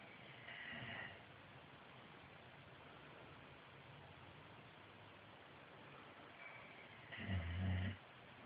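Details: Dog snoring while napping: a deep rumbling snore, with a softer one a few seconds earlier. Ordinary harmless snoring.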